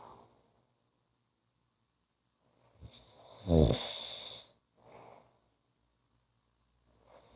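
Faint breathing, then one loud rattling snore on an in-breath, followed by quieter breaths: snoring.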